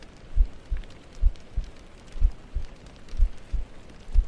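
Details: ASMR heartbeat trigger: soft, low, regular thumps at about 60 a minute under faint rain-like hiss; a steady heartbeat.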